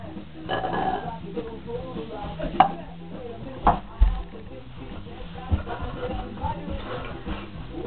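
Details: Two girls burping as much as they can after drinking root beer and eating Doritos: short, deep belches mixed with chatter and background music.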